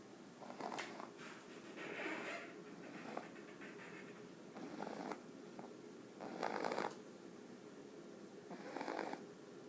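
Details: Inspiratory stridor from the upper airway in a Jack Russell puppy: repeated harsh snoring noises from nose or throat on breathing in, only while asleep; awake, even running and playing, the puppy has no trouble.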